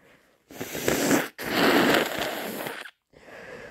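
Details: Two forceful, wet, explosive sneezes in a row from someone with a head cold.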